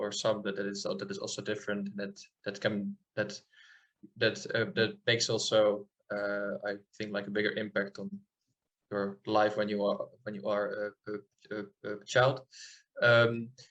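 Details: Adult man from the Netherlands who stutters, speaking in an interview; audible part-word and word repetitions; stuttering.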